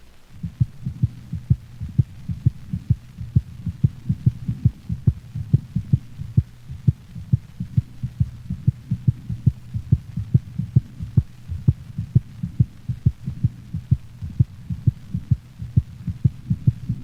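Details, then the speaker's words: Normal canine heart sounds, dog standing, stethoscope over the pulmonic valve at the left sternal border, third to fourth intercostal space: regular, crisp beats, second sound shorter and higher-pitched than first, no murmur. "the second heart sound is shorter and of higher frequency than the first sound it is best heard over the pulmonic valve listen to a normal dog's heart sounds recorded over the pulmonic valve"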